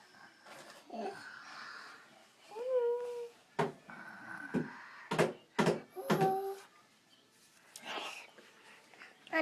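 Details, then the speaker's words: Awake child leaning back on request: soft talk, a short squeaky tone, then several forceful snorting bursts through the nose; imitated snoring. "Lean back and show me how you snore."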